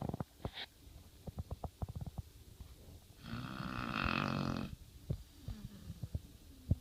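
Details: 115 lb pit bull (also called 112 lb) napping in a laundry basket: a single loud, rattling snore rising and fading, with soft clicks and shuffling; dog snoring in sleep.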